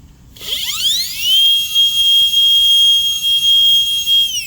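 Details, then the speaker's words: High-speed dental handpiece with 330 bur cutting a mandibular second premolar, Class II MO amalgam preparation, moved semicircularly along the outline to deepen the proximal box: whine rising to a steady shrill tone with slight dips as the bur cuts. "And how much I should drill is I need to approximate the burr to the side and see how much I need to go down."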